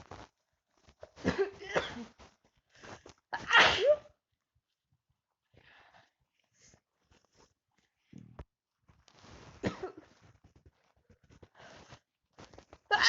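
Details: Sneezing: several sharp, explosive bursts with quiet gaps and soft sniffing between them, a run of sneezes.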